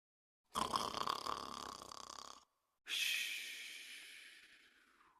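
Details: Cartoon-style imitated snoring: two loud drawn-out breaths, a rough rattling intake and a hissing outbreath, amid snorts; snoring.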